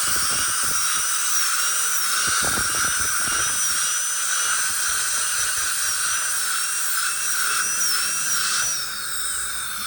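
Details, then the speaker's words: Steady high-pitched dental drill whine while adjusting and evening up a patient's lower teeth because of a very tight bite, during placement of four Mono dental implants. "so we'll just do a little bit of adjustment of these lower teeth and we'll even them up"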